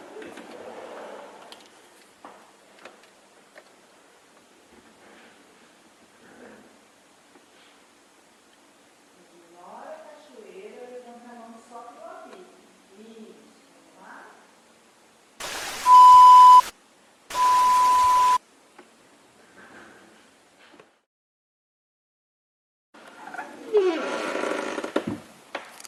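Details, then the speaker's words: Simulated audiometry hearing test: a tone is played behind the ear while masking noise ("waterfall") plays in the other ear, and the listener raises a hand only for the beep. Two bursts of rushing masking noise, each with a steady beep. "Eu vou colocar atrás do ouvido, você vai ouvir o apito. Do outro lado vai ter uma cachoeira. Ignora a cachoeira, levanta a mão só para o apito."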